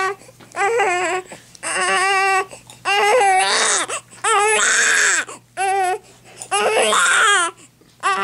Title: crying